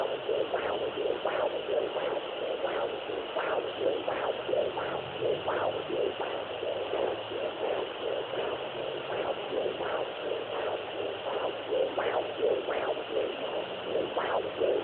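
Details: Fetal heartbeat on Doppler: steady, rhythmic whooshing pulses over a constant hiss.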